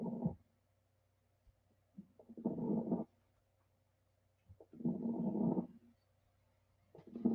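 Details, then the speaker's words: Crackles (rales) played as a teaching example of lung sounds: breath sounds with a rough, crackling texture on each breath. "so some of these some of the different reasons you might hear Rawls or crackles pneumonia congestive heart failure or CHF bronchitis as well"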